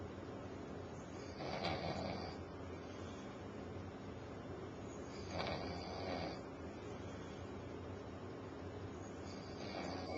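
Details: Adult man snoring while asleep on a couch at 6:30 pm, very tired after working over 90 hours in a week; he denies snoring. Slow, rough snores roughly every four seconds over steady room hiss.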